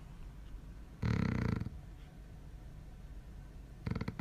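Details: A man's snoring at night, recorded by his wife: a loud, rattling snore on an inhaled breath, then quiet breathing and the start of another snore.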